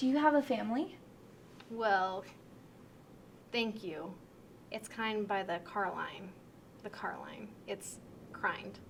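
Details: Demonstration of severe transcortical sensory aphasia during a picture description task, an acquired language disorder with impaired comprehension and intact repetition; transcortical sensory aphasia.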